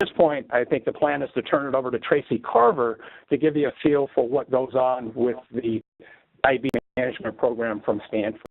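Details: Adult male speaker; normal voice.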